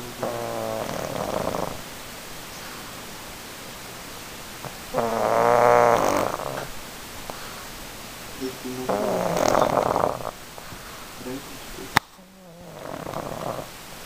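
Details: Sleeping pug: repeated rattling, snorting snores on each breath with quiet gaps between; snoring.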